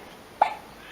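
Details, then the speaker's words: Newborn boy about 16 days old, in bassinet: a single short, sharp hiccup with quiet room noise before and after: hiccup. "here is my old bassinet that I used this was the bassinet part you can hear the baby hiccuping"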